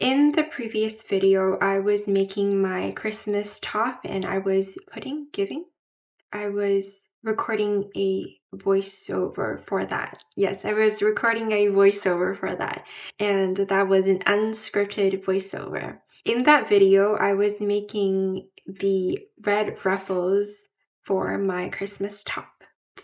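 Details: Mild residual Broca's aphasia in an adult woman after a stroke at age 12, with repetition of words and phrases, word-finding difficulty, incorrect grammar, pauses and slurring.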